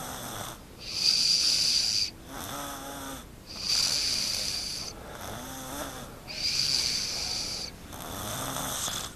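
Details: Young girl, the younger sister of a 6-year-old, snoring loudly during sleep, recorded at home: harsh, hissing snores in a steady rhythm, each long breath rasping through the airway.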